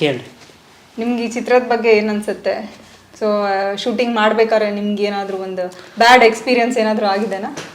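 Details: Adult woman speaking; Normal speech.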